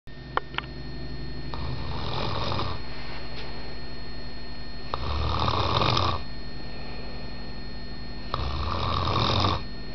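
Loud, low, rumbling snores roughly every three to four seconds over steady room hum; snoring during sleep.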